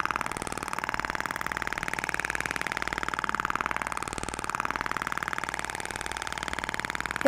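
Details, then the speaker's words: Thork shockwave therapy handpiece firing in training on a facial treatment, applicator moved in slow back-and-forth strokes along the zygomatic area: steady rapid mechanical ticking about two pulses per second with faint hum. "então eu vou posicionar o aplicador vou iniciar os disparos e faço movimento de vai e vem lento"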